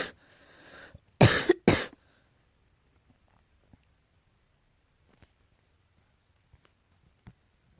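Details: Cat with suspected allergy: two or three quick harsh coughs in a short burst, then quiet with faint clicks.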